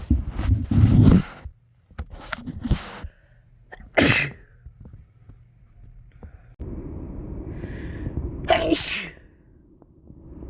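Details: Deliberately induced sneezes while sick with a cold: several forceful sneezes with quick breaths and sniffs between them, after trying to hold them back.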